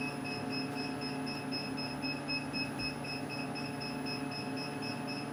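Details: Laser hair removal on a woman at her second sitting, run at high power with frequency at 90: steady machine hum with fast, regular high beeping pulses during treatment.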